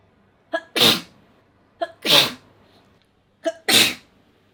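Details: Three sneezes, each a quick indrawn breath followed by a sharp, hissing burst of air.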